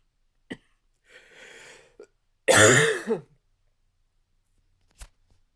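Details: Male with dry barking cough strong enough to shake the chest: a noisy breath in, then a single loud, harsh, voiced barking cough.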